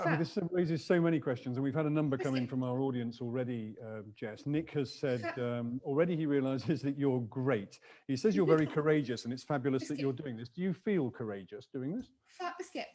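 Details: Adult interviewer; ordinary speech.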